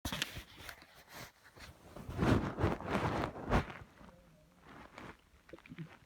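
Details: Irregular low gurgles and rumbles with brief squeaky tones at 4am: stomach growling (borborygmi) in a woman that woke her up.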